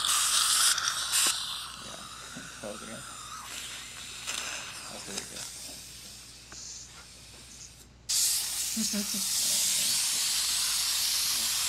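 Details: Continuous hissing, gurgling suction with wet slurping as fluid is drawn from a patient's mouth, then a loud steady rush; a NuBird suction mirror attached to high-volume (HV) dental suction during a comparison of dental suction mirrors; dental suction noise.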